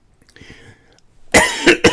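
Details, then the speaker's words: Adult man losing his voice: faint throat-clearing rumble, then a loud harsh burst followed by two short coughs, a brief bout of about three coughs. "as you can hear I'm losing my voice so I'm I'm going to call it good"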